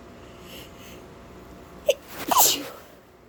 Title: Sneezing and some noseblowing